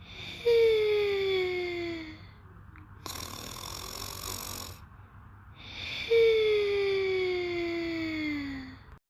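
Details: Sleeper snoring very cutely, a long whistle falling in pitch, a hissing breath, then the same falling whistle again; whistling snore.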